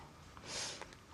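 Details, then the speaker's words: British teenager with Tourette syndrome: a single quick, hissing nasal sniff, a sniffing vocal tic. "I've got breathing a sharp breathe slow breathe cough humming noise and I did have another one you breathe sharply through you no sniffing that's one I have a sniff it's just sniffing not breathe sharply"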